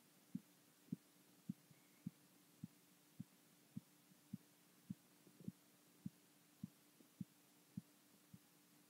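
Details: Blood pressure measurement heard through a stethoscope during cuff deflation: regular soft tapping beats at about 105 a minute; Korotkoff sounds.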